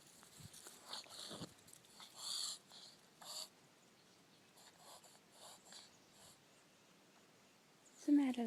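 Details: Female dog shifting from sneezing to reverse sneezing after rhinoscopy: a series of harsh, snorting breath bursts.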